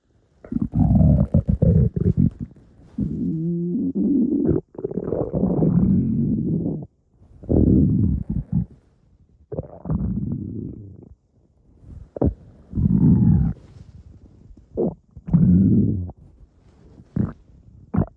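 Irregular low gurgling and rumbling bursts with occasional squeaky tones and pauses; loud stomach growling.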